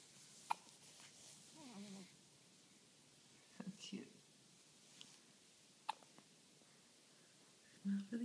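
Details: A 5-day-old newborn boy with hiccups: faint, sharp hiccup clicks at irregular intervals in a quiet room, with soft talk nearby.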